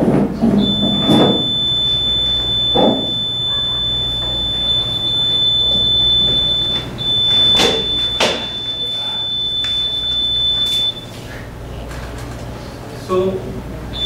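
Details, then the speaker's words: Steady high-pitched alarm tone with rapid beeping over room noise: a student-built invasive blood pressure monitor alarm warning that pressure is near its set limit. "now we will then showing when the pressure value is close to the range same in the case of that story also you can see that the live story"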